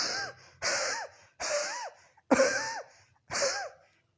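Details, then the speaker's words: Imitated dry wheezy cough with no phlegm or moisture: five short dry bursts, each with a whistling, wheezy tone and no wet or rattling sound. "तो स्पोंजिया की खांसी कैसी होगी? इसमें बलगम बिल्कुल नहीं होगा, फिर से सुनेंगे, केवल व्हीजिंग साउंड आएगी इस प्रकार से।"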